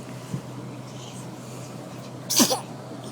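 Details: A quiet catch of breath, then one sharp explosive sneeze from a person; a single ordinary sneeze.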